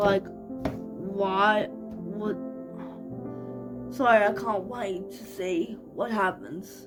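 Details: 25-year-old woman living with cerebral palsy, speaking naturally in a vlog: dysarthric speech in cerebral palsy.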